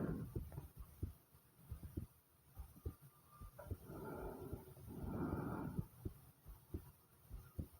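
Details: Quick, strong, low pounding heartbeat throughout, with a stretch of gurgling stomach/bowel sounds midway: a rapid pounding heartbeat.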